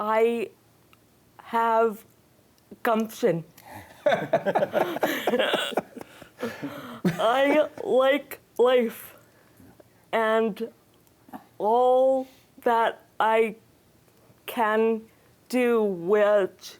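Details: Non-fluent aphasia after a stroke in July 2010 at age 44, in an adult woman who reports she can't get the words out.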